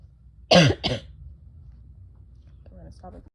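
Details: Two harsh throat-clearing bursts in quick succession, then a brief quiet murmur, from a person with bronchitis; throat clearing.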